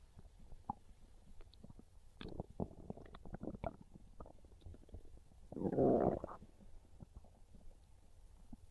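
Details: Hungry stomach growls, belly craving pizza: gurgling, bubbling rumbles with one longer loud growl; normal hunger borborygmi.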